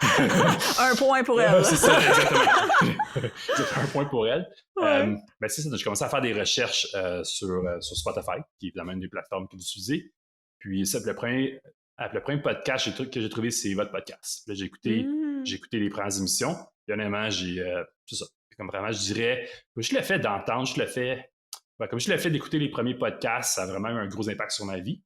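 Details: Stuttering in an adult man who lives with stuttering; stuttering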